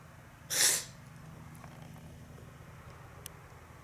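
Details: A cat that can't stop sneezing: a single sharp, hissing sneeze followed by quiet background hum.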